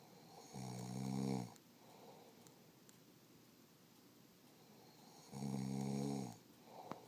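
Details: Husband who insists he doesn't snore, asleep: two loud buzzing inhaled snores about five seconds apart with quiet breathing between, roughly 12 breaths a minute; snoring.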